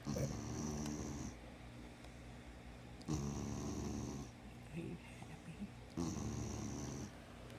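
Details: Sleeping spayed female dog, formerly a street dog, sleeping with eyes open: rhythmic rattling snores about every three seconds, roughly 20 breaths a minute, in a quiet room. Snoring.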